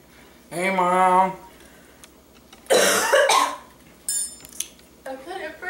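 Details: A few harsh, explosive coughs mixed with voice and a throat-clearing sound, in a small room with clattering dishes, during the cinnamon challenge; the person then complains of a burning mouth.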